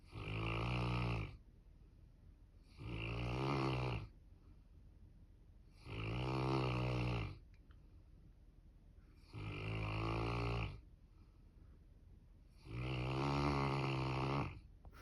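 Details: Newfoundland dog: loud, rhythmic rattling snores on each breath in, about 18 a minute, with quiet pauses between; snoring.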